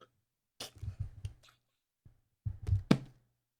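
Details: Japanese girl deliberately belching after drinking cola: two clusters of low, rumbling guttural bursts with a short gap between them; burping.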